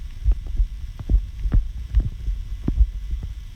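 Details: Low thumping heartbeat at about 70 a minute under a steady hum and background noise, recorded to hear the heart in detail, not the rhythm; the person asks whether their heart sounds healthy.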